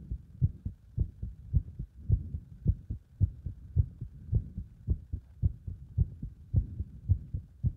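Rapid, regular lub-dub heartbeat at about 108 beats a minute, with heart sounds recorded under exercise load.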